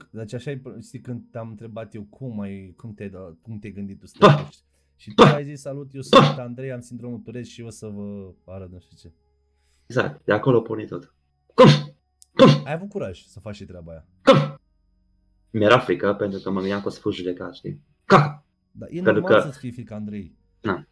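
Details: Adult male speaker; no disorder (normal speech).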